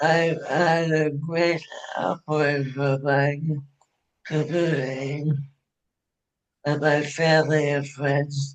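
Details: Adult woman with ALS diagnosed in 2021, onset with hand weakness and swallowing difficulty; now ventilator-dependent for breathing, which she says makes speaking difficult; dysarthria.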